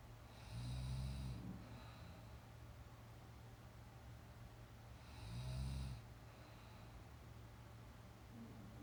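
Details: Real sound of a young woman napping: low, rumbling snores on each in-breath, about 13 a minute, with soft breathing between and light room noise.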